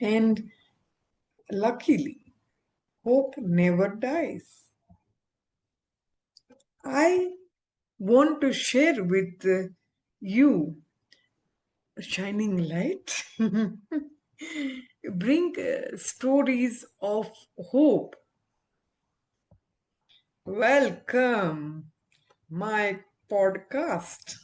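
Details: Aphasia after stroke in an adult woman, an ophthalmologist, recovering her speech with speech-language pathologists; communication still hinders her.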